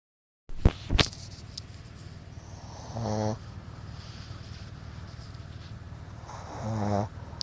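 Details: Mason snoring: two low, buzzing snore sounds a few seconds apart over steady room noise, after a couple of handling knocks at the start.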